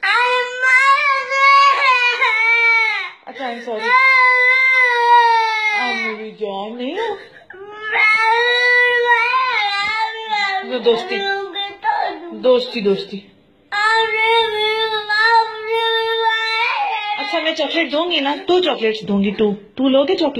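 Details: Angry infant: loud, sustained crying in long wailing bursts with brief catches of breath between them, in a small room; ordinary infant crying.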